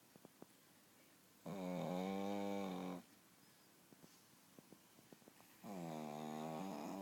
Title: Snoring Pug.